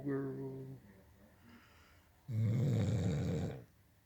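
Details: Female Blue Nose Pitbull snoring while asleep at night: a loud, rough, rattling snore preceded by a softer nasal breath, in a quiet room.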